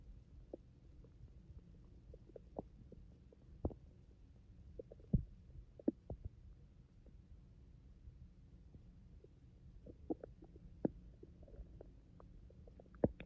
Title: My stomach growling rumble 😩